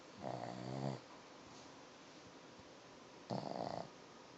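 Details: One-eyed Boston Terrier asleep: two low, buzzing, fluttery snores about three seconds apart, with quiet room noise between them. Snoring.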